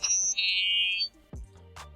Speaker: Вы когда-нибудь замечали, что слуховые аппараты иногда свистят, издавая этот раздражающий высокочастотный звук, вот такой?